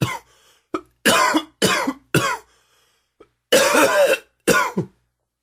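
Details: Six or seven forceful, rough coughs in irregular clusters with gasps between; smoker's cough, worsened by humid weather and heavy smoking.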